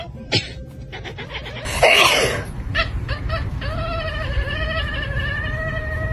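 A single loud, hissing sneeze burst, then a cat's drawn-out meow over steady background noise.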